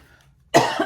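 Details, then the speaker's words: An adult with mild congestion, not feeling sick, coughs after congestion builds up; the cough sounds severe. "I'm just a little con gested that's that's that's all it is but it it starts building up and then I cough and I sound like I'm about to die"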